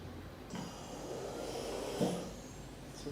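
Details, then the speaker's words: Mechanical ventilator in VC-CMV mode, set tidal volume 484, respiratory rate 15, I:E 1:1.8, running on battery: steady hiss of airflow rising then a soft click as one breath is delivered into a rebreathing bag. "So we are saving this, and when we are starting the ventilation, started."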